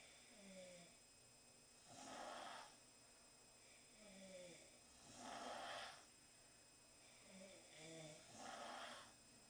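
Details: Four young women asleep in the same room after a long night out, snoring: soft, regular snoring about 19 breaths a minute, whistling on inhalation and a gentle rasp on exhalation, steady electronic hum behind.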